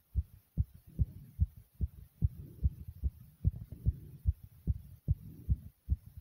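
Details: Own heartbeat beating really fast and hard, strong regular forceful thumping at about 145 beats a minute: tachycardia.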